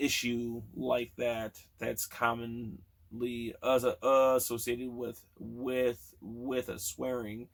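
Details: Man almost 40 who has stuttered since childhood; sound and word repetitions audible; stuttering.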